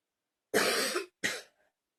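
Two harsh, explosive coughs in quick succession, the first longer, then silence; a plain dry-sounding cough.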